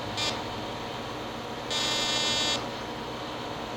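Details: Fractional laser resurfacing on a patient's neck using a small-dot laser making 0.3 mm channels, targeting the margins of hypopigmented skin; steady machine hum with two bright buzzing bursts, one short and one longer, as the laser fires.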